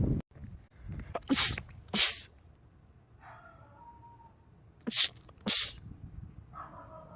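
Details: Male rapid sneezing attack from a sneezing compilation: two pairs of loud explosive sneezes, each pair followed by brief voiced sounds; rapid repeated sneezing.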